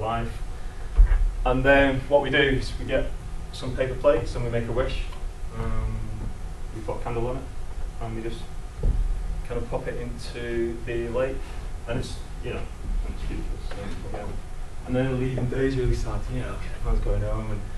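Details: Adult man who lives with a stammer; stuttering.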